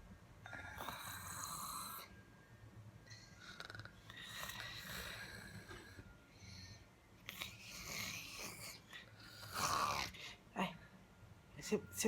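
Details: Someone tired, fallen asleep after doing the housework, noisy rasping breaths repeating every few seconds in a quiet room: snoring.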